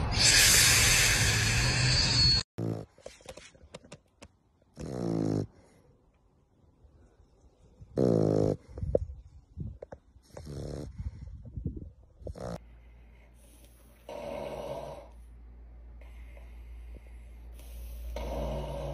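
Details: Compilation of dogs snoring loudly while sleeping; several loud, rattling snores and snorting breaths separated by quieter stretches, with some room noise.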